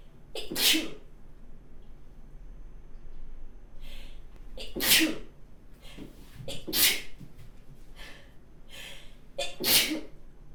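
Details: Four sharp, forceful sneezes from an adult woman, each preceded by a quick indrawn breath; she mentions feeling nervous and tears coming first.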